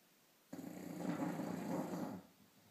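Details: Dog snoring: a single long, rumbling, fluttering breath lasting under two seconds.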